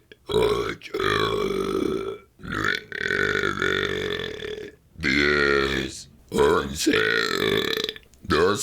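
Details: Deliberate voluntary burping while counting numbers: several long voiced burps separated by short pauses, some shaped almost like words.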